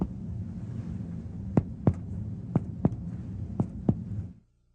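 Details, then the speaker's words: Demonstration of cardiac examination: percussion of the left chest toward cardiac dullness in the third, fourth, fifth and possibly sixth interspaces, patient supine with upper body raised about 30°; paired sharp taps over a hum, resonant laterally over lung and dull medially over heart; normal. "starting on the far left of the chest percuss toward the left border of cardiac dullness in the third fourth fifth and possibly sixth interspaces normally percussion reveals pulmonary resonance laterally and cardiac dullness medially"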